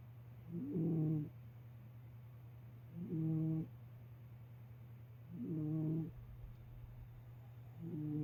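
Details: A sleeping cat snoring with regular, slightly tonal snores about 25 times a minute over a steady low background hum; feline snoring.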